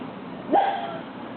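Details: A single short, voiced burp over steady background noise, from one of two girls burping on camera; an ordinary belch.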